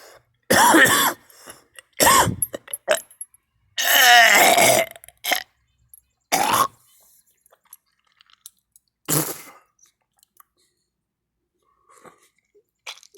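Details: Person coughing and vomiting repeatedly with nothing in the stomach: several harsh, rough coughing and retching bursts with pauses between, in a small quiet room.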